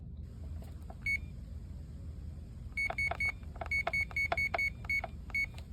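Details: Short, high-pitched keypad beeps in quick uneven bursts as buttons are pressed while programming the reservoir volume on a CADD PCA infusion pump, over a low room hum; normal key-press feedback.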